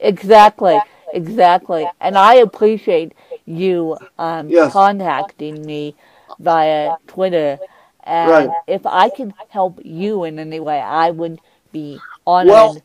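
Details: Adult woman with cerebral palsy who uses a walker; she describes her speech impediment as milder than her host's; mild dysarthria.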